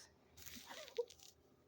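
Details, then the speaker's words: Loud stomach growling (borborygmi) in a patient with neuroendocrine cancer, resting at home after an ER visit following radiation treatment, with low energy and waiting for food: "Did y'all hear that? My tummy." "Did y'all hear that? My tummy. That was loud."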